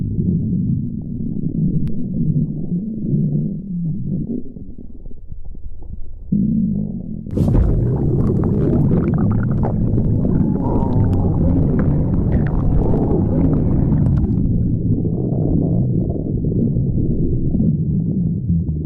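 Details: Stomach growling (borborygmi): long, low, gurgling and rumbling sounds rising and falling without a break.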